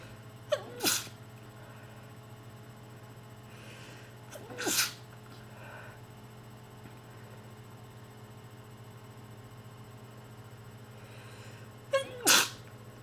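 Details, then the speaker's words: A person with bad allergies and a terrible cold gives three loud sneezes, each with a brief intake before the burst, separated by quiet room hum. "Oh god, cold and allergies still. Bad combination when you have really bad allergies and you sneeze. You sneeze a lot when you have a cold anyways."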